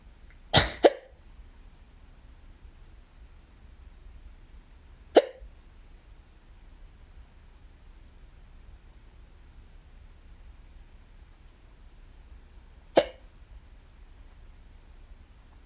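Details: Hiccups, audio only, in a person home alone, from the first of several bouts that day: four sharp, abrupt hiccups spaced irregularly, two close together, then two more seconds apart.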